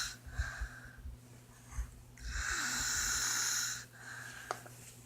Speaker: It's 1:45 a.m. Still awake. And my sister's snoring.